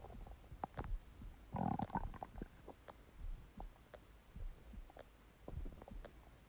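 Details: Stomach growling (borborygmi) from an empty stomach: quiet, low gurgling and bubbling with one louder growl near the start.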